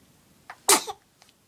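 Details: A single sneeze from a 4-month-old baby: a short intake of breath, then one sharp, hissing burst.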